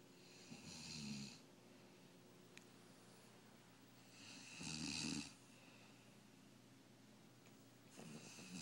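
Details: Snoring contest between Dozer and his father: rough, rattling snores on each breath in, about 15 a minute, with quiet breathing out between; ordinary snoring.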